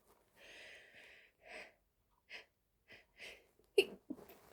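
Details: Stifled sneezes late at night (after 2 a.m.), set off by pollen through an open window: soft breathy build-up breaths, then a sharp held-back burst and a smaller second one in a quiet room.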